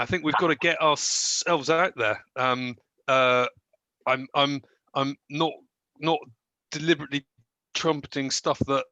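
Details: Stuttering in an adult man with a variable stammer: at times barely present, markedly worse when short of sleep.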